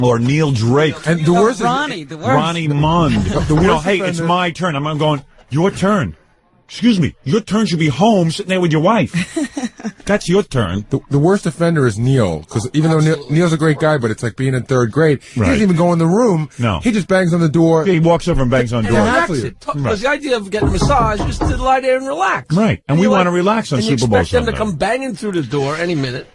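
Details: Adult men talking, radio broadcast; ordinary conversational speech.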